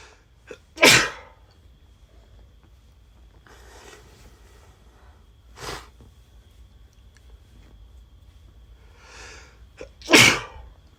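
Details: Man sneezing from allergies and the remnants of a cold, sneezing into the recorder's shoulder while hugging: three sharp, explosive sneezes spaced several seconds apart, with faint sniffing or breathing between; sneezing.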